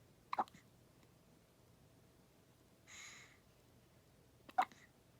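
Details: Newborn, 14 days old, with hiccups: two sharp, brief hiccups about four seconds apart in a quiet room, with a soft rustle between them.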